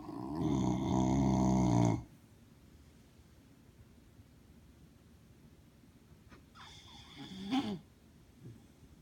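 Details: A sleeping dog snoring: one long, loud, buzzing snore, then quiet breathing and a shorter snort.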